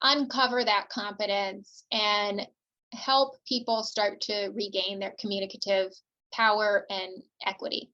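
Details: Adult woman speaking; typical speech.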